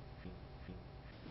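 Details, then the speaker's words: Posterior thorax auscultation with stethoscope diaphragm, patient saying "e": the sound comes through as a nasal, bleating "a", egophony, suggesting underlying consolidation of lung tissue. "when e sounds like a and has a nasal quality as in this example egophony is present suggesting underlying consolidation of lung tissue"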